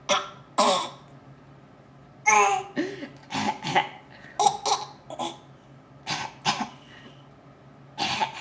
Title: Laugh and cough